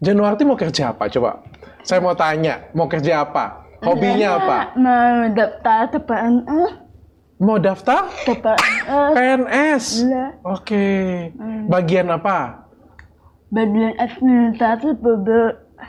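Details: Adult woman speaking Indonesian; typical speech.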